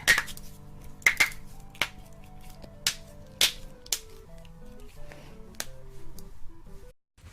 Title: Girls cracking knuckles and neck